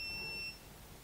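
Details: DW-VET6 veterinary ultrasound scanner: a single long, high-pitched electronic beep after the key is long-pressed over 10 seconds, marking entry into its settings menu; a normal device signal.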